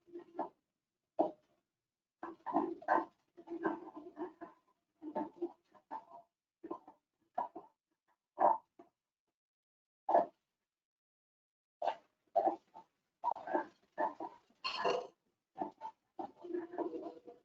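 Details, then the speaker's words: Young boy breathing about 35 breaths a minute with repeated musical, whistling sounds on expiration, judged not stridor but wheeze in an IMCI childhood illness teaching example; wheeze. "Al inspirar escuchamos una sibilancia. Por lo tanto, decidimos que no tenía estridor, que es un ruido áspero al inspirar. Este niño tiene sibilancia al expirar."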